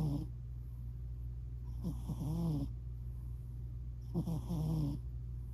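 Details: Soft, regular little snores on each breath from a sleeping cat tagged British Shorthair, about two breaths in five seconds; the owner hopes it is not sleep apnea.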